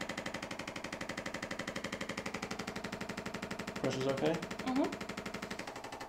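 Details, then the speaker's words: Handheld chiropractic adjusting instrument worked along the spine of a patient with lower back pain and frequent hip popping: steady rapid mechanical pulsing about two a second, brief muffled voice partway through. "okay i'm gonna use an instrument now to start loosening up your spine okay"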